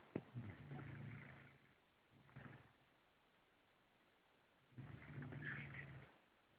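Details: Snoring in a sleeping French bulldog: loud, fluttering snores on each breath with quiet pauses between them.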